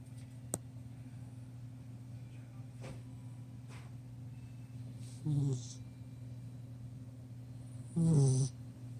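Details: 10-week-old chocolate Labrador puppy sleeping on the couch: two short, low, buzzing snores a few seconds apart over a steady background hum; snoring.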